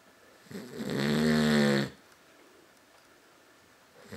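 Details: A single loud, rattling inhaled snore lasting over a second, then a quiet room; snoring.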